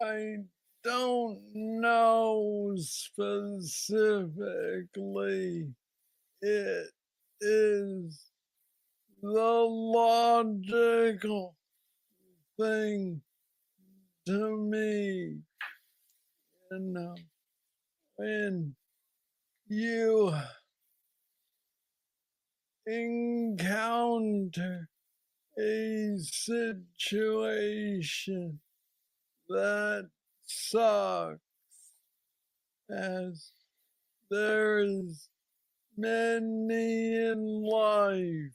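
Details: Parkinsonian speech (hypokinetic dysarthria) in a man with Parkinson's disease diagnosed at age 35, about nine years earlier, described as the most aggressive form he knows; treated with a brain stimulator implant.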